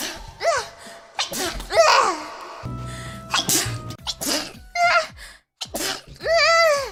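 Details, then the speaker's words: Several high-pitched sneezes with sharp inhaled build-ups from a VTuber, with music playing behind; sneezing. "くしゃみ助かる。くしゃみしちゃった。くしゃみ助かる。"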